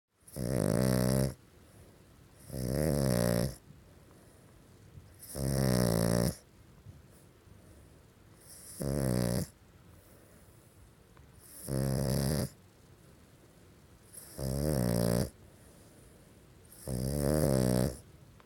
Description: Pug snores are so loud! Add the zombie sleep eyes and you get creeptastic!